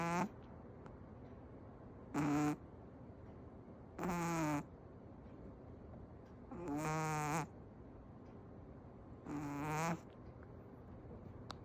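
Five rhythmic, tonal snores about every two to three seconds, roughly 25 a minute, with quiet gaps between; ordinary snoring.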